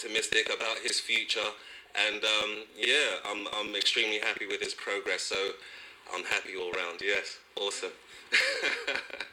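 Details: Adult male speaker; ordinary speech.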